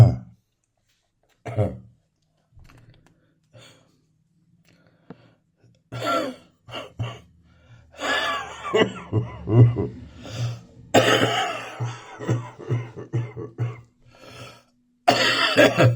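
Repeated throat clearing and short chesty cough bursts with a wet, rough quality, followed by heavy breaths; a bronchitis morning cough.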